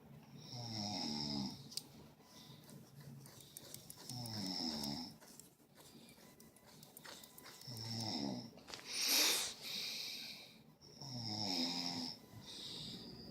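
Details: Regular rattling snores, about 16 a minute, with one louder snort partway through; ordinary snoring during sleep.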